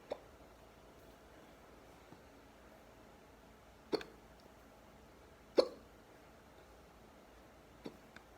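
Sharp, brief gulping sounds at uneven intervals over eight seconds, three of them louder, against a quiet room: hiccups.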